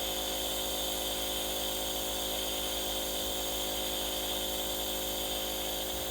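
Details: Steady, buzzing mechanical hum of a compressor nebulizer running continuously while a dog wears a breathing mask for nebulization to treat his cough; nebulizer running.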